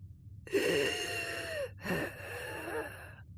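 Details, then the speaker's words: Imitated inspiratory and expiratory wheeze demonstrated by a pediatric clinician: two breaths, in and out, each with a high-pitched whistle from turbulent airflow through narrowed small airways. "an inspiratory and expiratory wheeze airflow through a narrowed or compressed segment of a small airway becomes turbulent this causes vibration of airway walls and this vibration produces the sound of wheezing"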